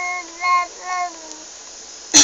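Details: 7-month-old baby crying, which the caregiver thinks is from hunger: two brief, high-pitched, tonal wails ending in a sharp loud burst.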